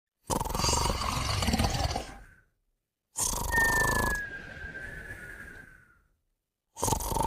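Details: Moumou and a puppy snoring together: loud, rough snores, one ending in a thin high whistle as the breath passes.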